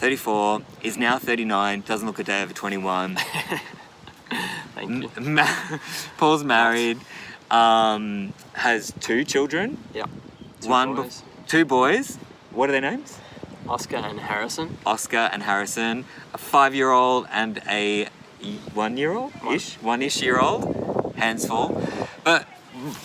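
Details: Adult men in conversation; conversational speech.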